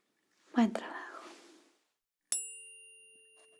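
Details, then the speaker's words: Simulated ASMR hearing-test roleplay: a soft whispered word, then a sharp strike and a clear ringing tuning-fork tone fading away, used to test high tones, with the listener asked which ear hears it. "Trước tiên, tôi sẽ sử dụng âm thoa của mình để kiểm tra các âm cao. Hãy cho tôi biết bạn đã nghe thấy âm thanh đó ở tai nào."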